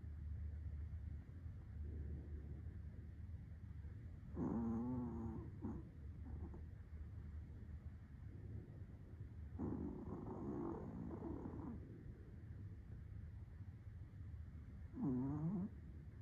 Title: Teddy's snores are the most adorable thing ever #shorts #shorkie #dogs #tiktok